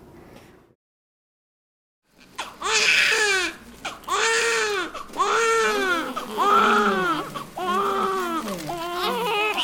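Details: Newborns crying: repeated high, wailing cries in rhythmic bursts, typical vigorous crying of healthy newborns.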